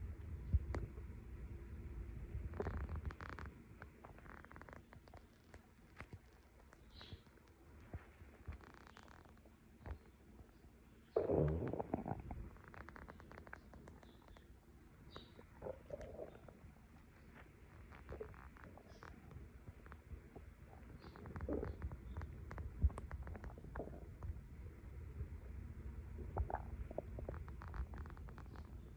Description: tummy is digesting my late breakfast still after i finished doing a little straightening up :3 🖤